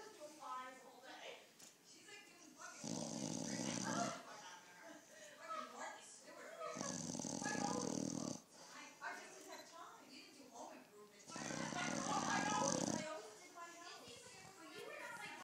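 Three loud, long, rough rattling breaths about every four seconds in a quiet room; snoring.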